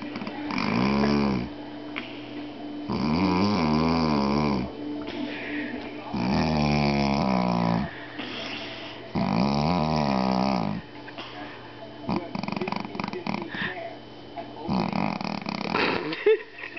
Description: Just a clip of a guy, sounds like he is sawing wood